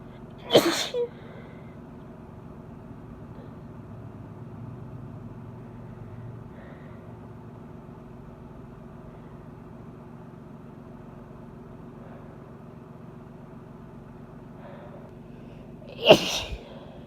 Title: Stronger Allergy Sneezes (F) w/Noseblowing